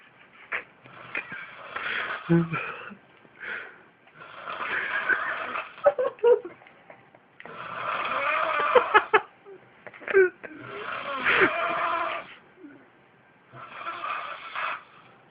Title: Roncando como anciano de 70.años